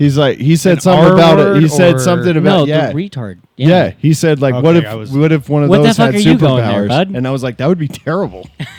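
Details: Adult man speaking; typical adult male speech.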